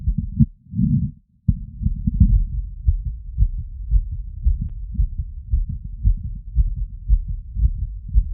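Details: Wireless stethoscope, diaphragm and bell, all frequency modes, over pulmonic, aortic, mitral, tricuspid and Erb's point, standing in light tilt after a 3 km run: rapid regular thumping at about 150 bpm with rubbing noise; sinus tachycardia, normal heart sounds.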